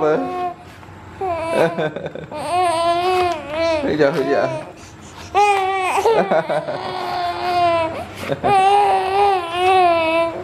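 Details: Baby crying: repeated rising and falling wailing cries with brief pauses between bursts; ordinary infant crying.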